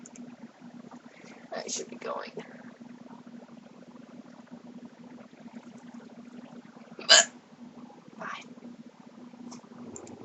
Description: Argh, these hiccups hate me!